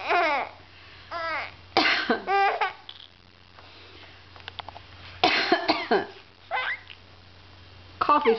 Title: Coughing is funny